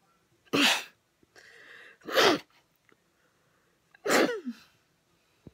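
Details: Woman who has sneezed her whole life, sneezing while finishing a puzzle, possibly from house dust: three loud, abrupt sneezes a couple of seconds apart with faint breathy sounds between.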